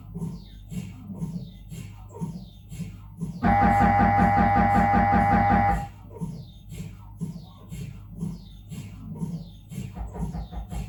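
Rhythmic mechanical knocking pulses about three per second, then a loud buzzing tone for a few seconds, then the knocking again. Typical noise of a normal MRI head scan.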